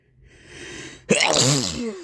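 A rising indrawn breath followed by one loud, explosive sneeze with a voiced tail.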